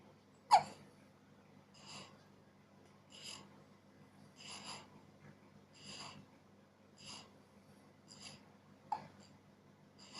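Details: Four-day-old baby with hiccups: repeated short, sharp catches in breathing, about eight in ten seconds, in a quiet room.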